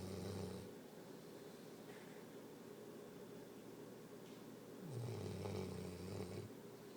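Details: Sleeper: two long, low, rattling breath sounds separated by a quiet stretch; snoring during sleep.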